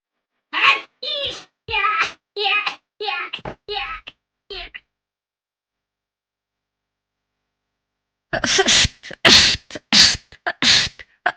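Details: Girls rapid-sneezing on live streams: a run of short, explosive, noisy sneezes in quick succession, a pause, then another rapid series.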